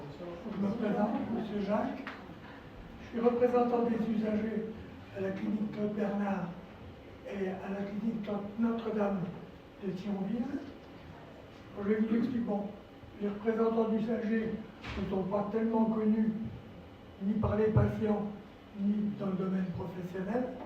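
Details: Dysphonia in a male former nurse with respiratory problems and vocal cord lesions since complications after coronary bypass surgery that required 4 months in intensive care.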